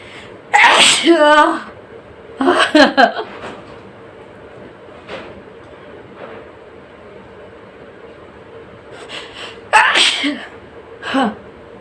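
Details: Three sharp explosive sneezes, each with a quick in-breath first, separated by quiet; sneezing in a nose sneezing challenge.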